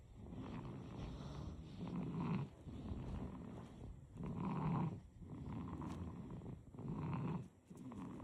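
Soft, rattly, rhythmic snoring with each breath, about 24 breaths a minute, from a sleeping baby; noisy breathing through the nose and throat.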